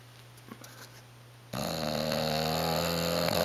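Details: Bulldog napping in a recliner, snoring audible from across the house: quiet room, then a sudden loud, rattling, throaty snore; ordinary snoring.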